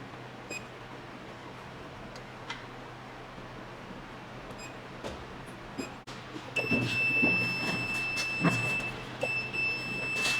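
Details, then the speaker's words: Glass-tube CO2 fractional laser (max 60 W) demonstrated in continuous mode: quiet room hum with faint clicks, then a steady high-pitched tone with rapid pulsing as the laser fires continuously. "The first one is the continuous, and the second one is the single. Now let me show you the continuous treatment. What is it like?"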